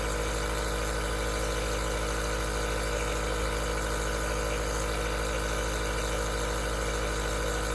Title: Aerosol Nebulizer Sound Cures Insomnia